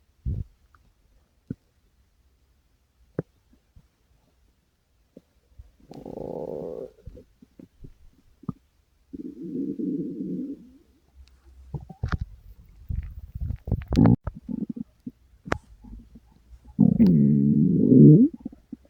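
Several loud gurgling, rumbling bursts separated by quiet, with scattered clicks: stomach growling, an ordinary digestive sound.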